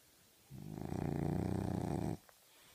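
One long, buzzing, fluttering breath noise from a sleeping flat-faced dog; snoring.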